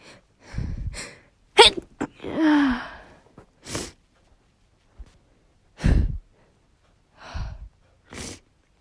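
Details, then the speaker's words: Woman inducing sneezes with toilet paper in the nose: several short, sharp sneeze bursts with quick inhalations and brief gasps between them. "uh yeah this is working i'm going to sneeze ah i'm gonna sneeze i'm really snowy"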